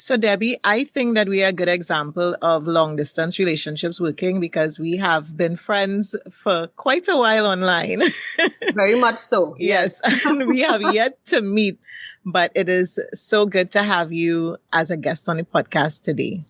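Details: Adult women in conversation; Fluent conversational speech.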